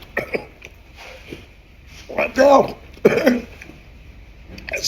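An adult gives a few short gasps, then two harsh coughing bursts after eating very spicy sauce.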